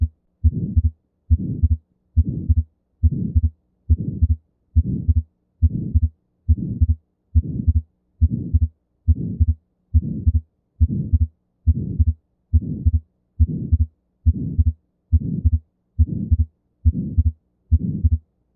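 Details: Atrial septal defect, a congenital heart defect: regular heartbeat near 70 per minute with a soft ejection systolic murmur and a fixed split second heart sound (S2).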